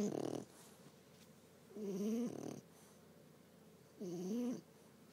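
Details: Soft, low-pitched, rhythmic snores about every two seconds from a sleeper in a quiet room. Sleep snoring.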